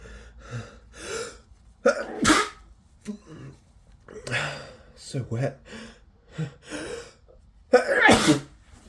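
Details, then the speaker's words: Person sick with a cold, unable to stop sneezing all day, nose itching: rapid run of several wet, forceful sneezes with gasping breaths and muttering between; a sneezing fit. "yeah oh my God I'm just so sick I've been sneezing all day there's another one"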